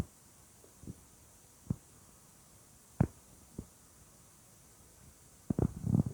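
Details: Weird stomach sounds: scattered short gurgles and squeaks from the belly, ending in a longer rumbling run; bowel sounds (borborygmi).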